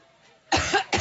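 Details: Coughing fit from an adult woman, Democratic presidential nominee, immediately after taking the stage at a campaign rally in Cleveland; a green substance was expelled into a water glass.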